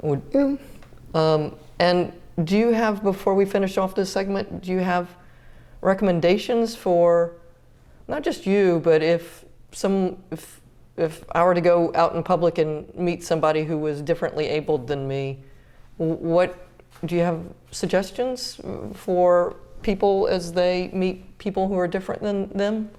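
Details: Adult woman speaking; normal speech.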